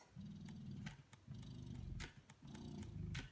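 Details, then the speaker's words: Rhythmic low motor hum in repeating pulses with soft clicks from a battery-powered Spectra S1 electric breast pump at maximum cycle speed, suction level six; breast pump running. "the Spectra S1 operates in the same way as the S2 but this is not plugged in at the moment it's running from battery here is the pump at its lowest levels and then at maximum cycle speed at suction level six"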